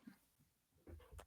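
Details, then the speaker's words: Pet cat in a quiet room gives two quick, sharp sneezes, the second a hissy burst; owner says he has been sneezing a lot; sneezing. "my cat is in the room right now sneezing so if you're hearing sneezing I didn't know he was in here he's sneezing a lot"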